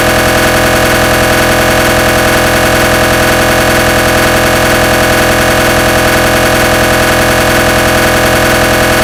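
Loud, continuous rapid buzzing and knocking pulses, a recreated imitation of an MRI scanner running a gradient sequence.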